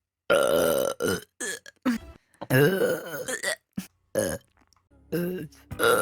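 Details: Compilation of loud, drawn-out, voiced burps with short gaps between them from a woman's live streams, over faint music.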